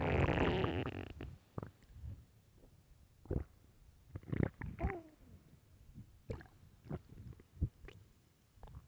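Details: Loud hunger stomach growling, described as starving: gurgling and squeaky rumbles with bubbling pops from the belly; borborygmi.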